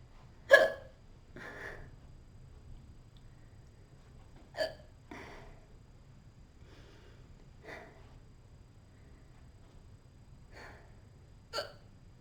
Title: Girl has cute hiccup attack